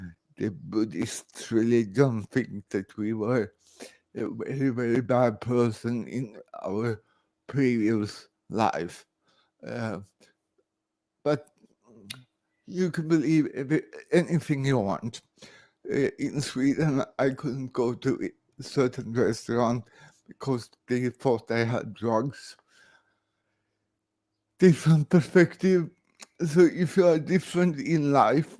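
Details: Dysarthria in an adult man born in 1968 with severe cerebral palsy caused by about 45 minutes without oxygen at birth.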